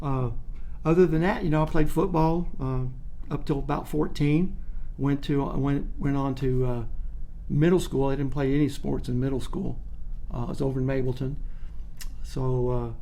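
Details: Adult man who stuttered as a child and still stutters a little when nervous or not focused, stuttering then correcting himself; mild residual stuttering.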